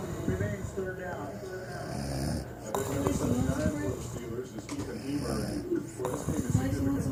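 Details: Adult man snoring: loud, rough, rattling snores repeat through the clip, with faint background sound; heavy snoring.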